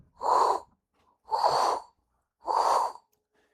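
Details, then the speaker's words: Three soft, even airy breaths imitating normal clear lung sounds on stethoscope auscultation, likened to brown paper bags; simulated, not a real recording. "In any event, know that normal lung sounds are described as clear, but they are not absent of sound. They sound like brown paper bags."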